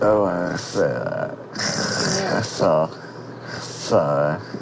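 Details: Dysarthria in a 27-year-old man with spinal muscular atrophy who lost speech after a tracheostomy tube was placed, reciting the alphabet briefly with the tube adjusted for the first time in months.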